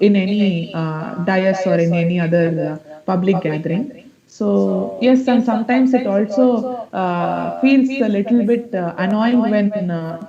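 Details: Male student with a high-pitched, feminine-sounding voice for 5 to 6 years, recorded before therapy on assessment day; puberphonia.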